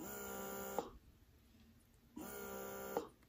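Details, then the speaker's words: Momcozy wearable hands-free electric breast pump in letdown mode, turned up to increase suction: steady motor hum in two cycles, each ending with a click, separated by a quiet pause. "i'm going to press the let down feature and i'm going to turn it up you can see the different lights here and that increases how hard it's going to pull that milk out"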